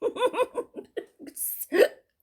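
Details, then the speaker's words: A person with hiccups they cannot stop, talking to camera: a run of short, abrupt voiced catches mixed with laughter and a breathy exhale. "When I do it, as people like to say, my hiccups, my hiccups. I'm sorry."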